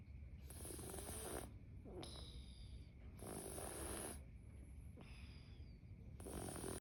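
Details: Cat snoring heavily during sleep: regular soft snores with breathy, hissing breaths in and out, about 20 breaths a minute; snoring.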